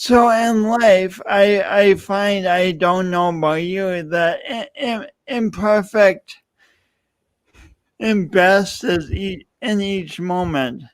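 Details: Adult male speaker; speech impediment (disfluent speech).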